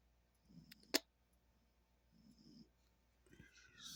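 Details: Sleeping female pet dog, owner says she eats, drinks and exercises well: soft, low rumbling snores on two breaths with a sharp click between them in a quiet room; snoring.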